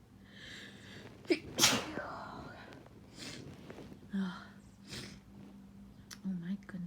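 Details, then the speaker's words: Sneezing fit in an allergy sufferer in spring after sleeping with the window open while grass was mowed outside: nose tickling on waking, several sharp sneezes in a row with breathy sighs and small voiced sounds between them. "Gonna sneeze. So, I thought I would record just a little bit to let you guys hear what happens to people with allergies in the Midwest in the middle of spring."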